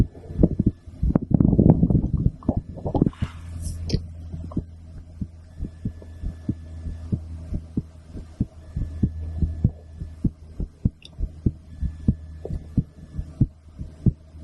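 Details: Female heartbeat recorded with a stethoscope after her second blood draw in a week; steady heartbeat thuds at about 80 a minute under a low hum, with a few seconds of handling noise at the start.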